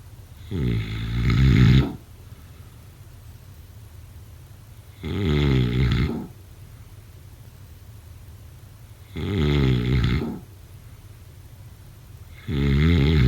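Loud, rough snores come with each breath in, about 15 a minute, separated by quiet breathing out. Typical snoring.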